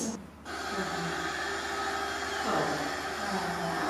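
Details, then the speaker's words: Oral suction machine in a girl who cannot swallow, used while her teeth are cleaned with an electric toothbrush to remove fluid so she does not swallow it; steady motor hum with a gurgling change partway through. "She's having an electric toothbrush used, but the noise you can hear is from what's called a suction machine."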